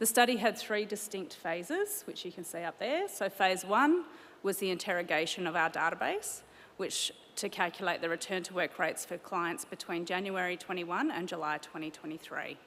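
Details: Adult woman presenting at a conference; Normal speech.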